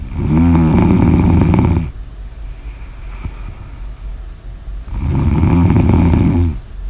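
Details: Two loud, rattling, drawn-out snores on the in-breath with quiet breathing between; snoring.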